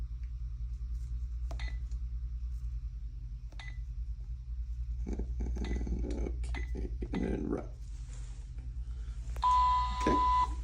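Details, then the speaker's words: Clicks, several short key beeps and a longer tone as an infusion pump is programmed for a primary IV bag at 63 mL per hour with 450 mL to be infused, in a demonstration; normal device feedback. "Our rate, we'll do 63. And our volume to be infused is going to be what's in the bag."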